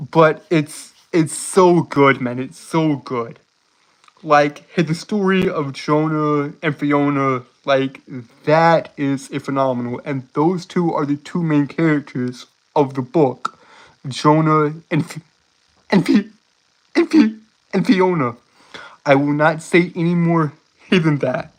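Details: Adult man with a self-reported speech impediment causing stuttering and tripping over words, speaking on a live stream; many repeated words and phrases; stuttering.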